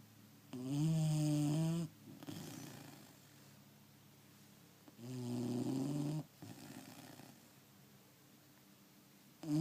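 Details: Dog snoring: loud, rough snores on each in-breath about every four seconds, quieter out-breaths between, quiet room.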